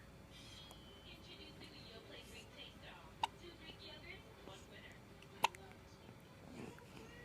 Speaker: Do the hiccups. Do the hiccups.